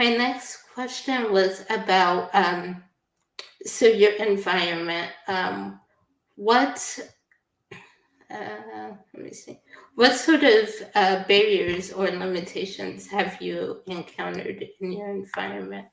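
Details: Adult woman speaking; typical speech.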